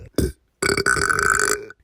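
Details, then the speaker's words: Voluntary, deliberate burping into a microphone: a short belch, then one long, loud, rumbling belch lasting about a second; burping. "whenever I do these meme compilation videos most of the time I burp in in the microphone so why not to make a whole shorts of me burping here we"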